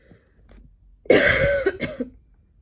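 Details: Lingering cough that won't clear, with heavy breathing and throat tickles, while studying; single harsh cough burst with a brief follow-up hack in a quiet room.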